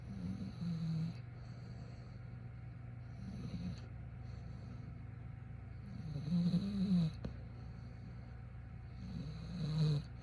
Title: Human Snoring is Unbelievable... But This Guy Makes It Sound So Natural!